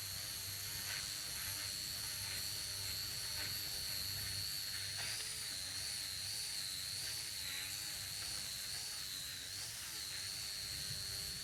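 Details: Steady high-pitched whine of a high-speed surgical burr continuously cutting bone at the first metatarsal base, counterclockwise for quadrant two joint prep, during minimally invasive percutaneous Lapidus bunion surgery.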